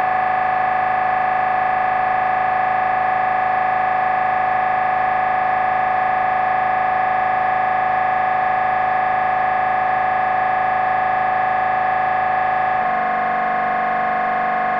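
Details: MRI scanner running a brain scan: loud, steady, fast buzzing drone that shifts pitch near the end; MRI scanner noise.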